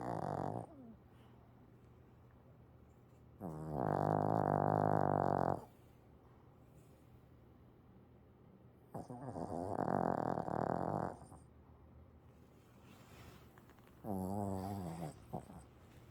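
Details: Sleeping dog snoring, possibly dreaming: three long, loud, rattling snores, each about two seconds, separated by quiet pauses; ordinary snoring.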